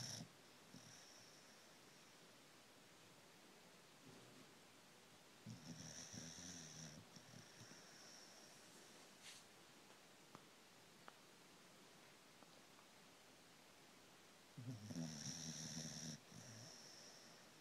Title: Snoring dog